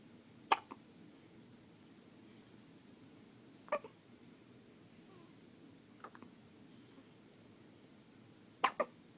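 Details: Four short, sharp hiccups over about nine seconds, some with a quick second catch, from a newborn baby against a quiet background; hiccups.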